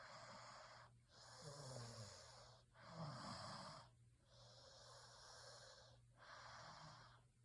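Quiet, noisy breathing in steady cycles, with low rumbling snore vibrations on some breaths. This is light snoring.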